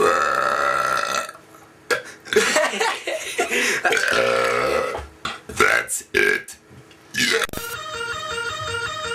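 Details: Two friends burping on purpose for fun: several loud, rough, gurgling belches broken by pauses, with a musical tone at the end; repeated burping.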